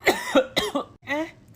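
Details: A quick series of four strongly voiced cough bursts followed by a drawn-out vocal sound, acted for comedy.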